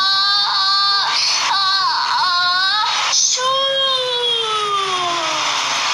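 High, tonal wailing cries in a steady run with falling pitch at the end, consistent with an infant cry.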